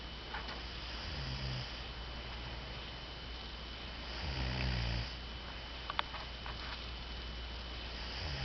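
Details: Woman asleep on a trip, recorded snoring by a companion: low, rattling snores rise above a steady background hiss at intervals of a few seconds.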